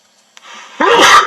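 Quick intake of air, then one sharp, hissing sneeze burst.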